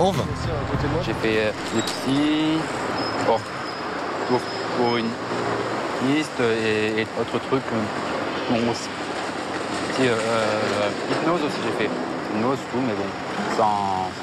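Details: Man, French-speaking, with severe stuttering since age 4, attending a 3-day anti-stuttering course; stuttering.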